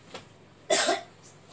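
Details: A single short cough from a child with a cough and cold, still coughing slightly though sleeping better at night.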